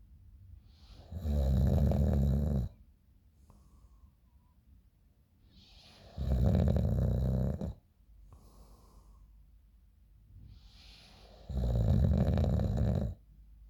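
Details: A person snoring in the morning, recorded by a friend: loud, low, rattling snores on each breath in, three in about 14 seconds, roughly 13 breaths a minute, with quiet breathing out between.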